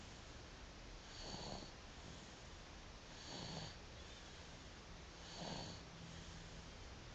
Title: Baby snoring zZz..